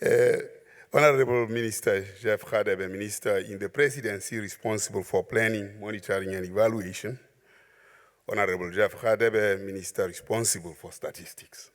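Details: Adult man; Normal speech.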